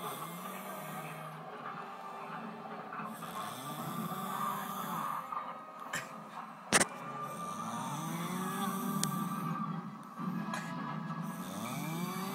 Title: Do this snore sound like a chainsaw or a bear